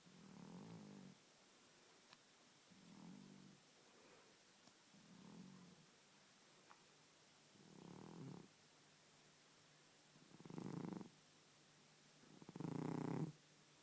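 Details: Elderly cat who has snored lifelong, worsening with age, sleeping: six rhythmic rasping snores, about one every two seconds, growing louder toward the end; snoring.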